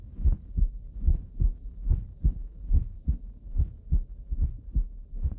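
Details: Heard through the stethoscope diaphragm during a cardiovascular exam teaching auscultation, regular low lub-dub heartbeats at about 72 a minute with no clear extra sounds: normal heart sounds.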